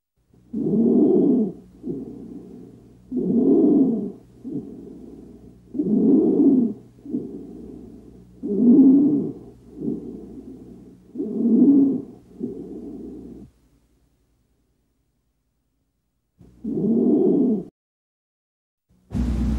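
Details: Loud, harsh, high-pitched noise on each breath in, with quieter breaths out, at about 22 breaths a minute: stridor.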